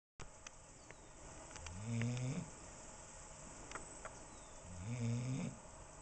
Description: Harley is an 8 month old female bloodhound with a snoring problem...She was in the backyard and I could hear her from my room upstairs in the house (with the windows closed!)